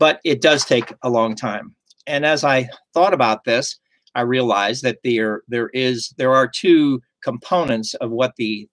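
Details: Adult male stroke survivor with aphasia caused by stroke; aphasia.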